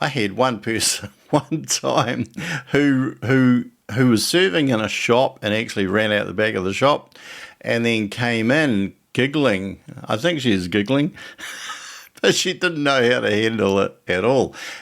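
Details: Stuttering in an adult man, with part-word and word repetitions and, in earlier years, blocks where the throat closes; a quivering lip sometimes occurs.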